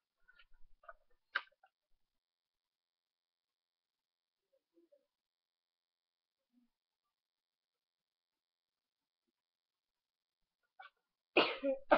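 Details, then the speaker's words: Quiet room with faint small noises, then a sudden loud single sneeze with an odd vocal sound at its end; sneeze. "yeah I don't know why I even did that sound at the end of that sneeze"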